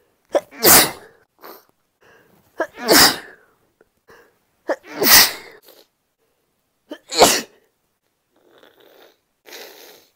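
Four loud sneezes, some sharp and some stifled, each with a quick breath in before it, then quiet sniffing.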